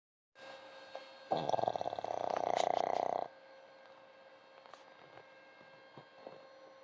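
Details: Loud rattling two-second snore, then quiet breathing, from an elderly pug dog sleeping tuckered out on a sofa; snoring.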